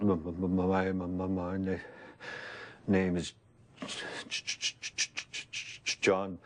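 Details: Man who has stuttered since he began speaking, with repetitions and broken phrases; lifelong developmental stuttering.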